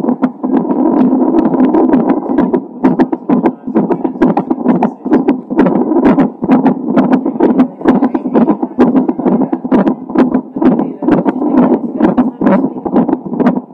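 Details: Fetal heart tones recorded by Doppler a few hours before birth in a baby with Down syndrome: rapid, regular whooshing pulses at about 130 a minute.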